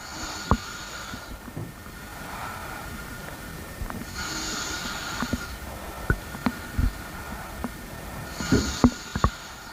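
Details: Normal stomach rumbling: scattered brief low pops and gurgles, with slow breathing sounds about every four seconds in the background.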